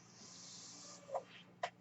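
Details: Mechanical ventilator heard during the user's own speech recording: soft steady airflow hiss over a low hum, then two brief valve-like clicks as a breath is delivered.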